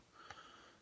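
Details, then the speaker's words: A dog snoring in the background of a quiet room: a faint, whistling breath sound with a brief snorting puff. "I don't know if you can hear the dogs snoring in the background he's worse than me when he snores"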